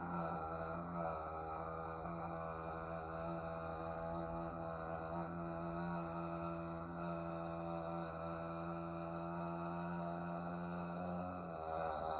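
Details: Male patient in a bedside swallow evaluation for occasional acid reflux; second sustained 'ah' trial lasting 20 seconds, with good breath support and a mostly steady voice; maximum phonation time task.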